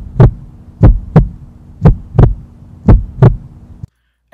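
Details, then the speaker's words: Normal S1 and S2 heart sounds heard through a stethoscope during a student OSCE cardiac examination: regular paired lub-dub at about 60 beats per minute. "Normal heart sounds would be S1 and S2, which sound like this."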